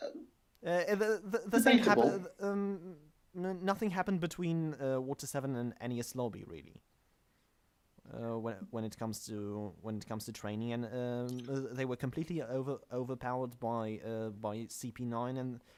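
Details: Stuttering; podcast host whose co-hosts are introduced as the non-stammering hosts, implying he stammers; the show describes itself as combining manga talk with speech therapy.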